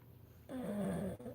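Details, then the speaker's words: Dog asleep beside the speaker in a quiet room gives a single low, rattling, tonal snore under a second, then a softer breath; snoring. "And I said, "Guys, my dog is sitting right here snoring his ass off. So I promise that sound is not coming from me.""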